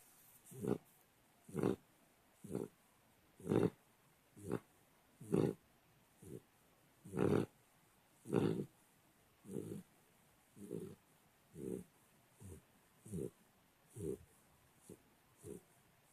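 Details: Pitbull sleeping: short, rhythmic snorting snores, about 30 a minute, in a quiet room; snoring.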